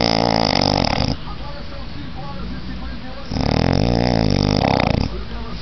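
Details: Two loud, rough, buzzing snores on inhalation, separated by a quieter pause, with faint room noise; snoring from someone sleeping in a princess bed.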